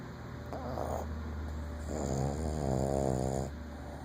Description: If you ever think about getting a Boston take their snoring in to consideration. Lol she is so loud sometimes she wakes her self up